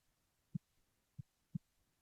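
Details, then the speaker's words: Tumor plop of atrial myxoma: soft low-pitched thumps with an extra low sound in early to mid diastole after the second heart sound, from the tumor striking the mitral valve or ventricular wall. "So you can hear now there's a low pitch sound or your tumor plop during early or mid diastillate results from the impact of the tumor against the mital valve or your ventricular wall."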